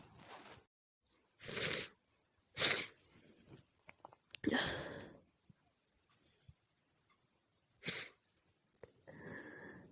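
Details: Female sneezing messily at night from a nose tickle: about five sharp, wet sneezes separated by short pauses with sniffing between.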